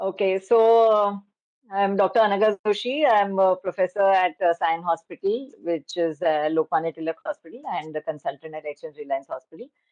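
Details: Adult woman speaking; Normal voice.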